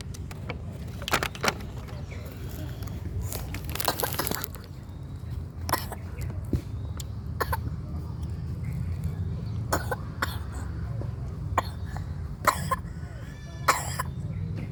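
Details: Child chewing food, then brief coughs and throat-clearing over a steady low background hum.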